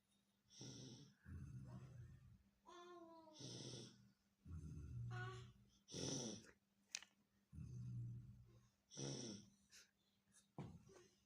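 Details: Baby imitating Dada's snoring: repeated snorting, snore-like breaths about 20 a minute, with high squeaky noises between.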